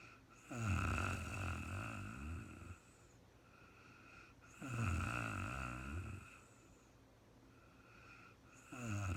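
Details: Real-time recording of a woman snoring during a night's sleep, no talking: steady, deep, rumbling snores on each in-breath, about 15 breaths a minute, in a quiet room.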